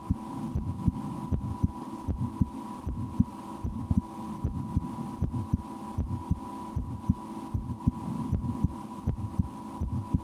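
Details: An adult's own heartbeat heard through a stethoscope, with some breath-holding and attempts to speed the heart up. Normal heart sounds; the stomach is also digesting audibly after lunch.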